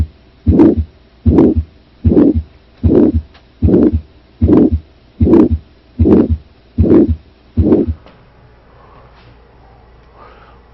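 Ten regular heartbeats at about 76 a minute, each with a harsh diamond-shaped swelling murmur through systole, then quiet; aortic stenosis.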